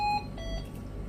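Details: Hamilton ventilator being set up, with tidal volume limits set at 800 upper and 150 lower: short high electronic beep then a lower tone over room noise. This is the alarm for tidal volume not reached; the patient needs 300.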